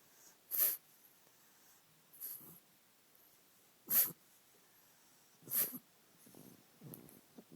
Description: My senior pug has a terrible cough. Shooting this for the vet.